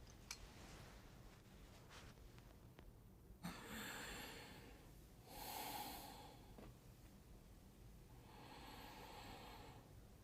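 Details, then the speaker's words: Normal breath sounds played by a simulation mannequin during breath-sound assessment training: soft, even airflow sounds in unhurried breath cycles. "our mannequin can actually demonstrate some of the sounds so as you listen i'll have you listen first to what normal breaststones would sound"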